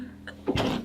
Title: [tripleS] Bionic 재채기 #triples #트리플에스 #이지우 #김채연 #재채기 #Bionicpower #hitthefloor